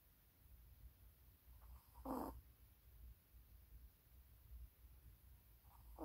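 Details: Maltese puppy snoring while asleep.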